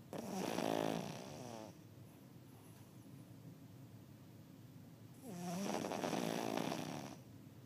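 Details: Two long, buzzing snores with quieter breathing between them from a sleeping dog.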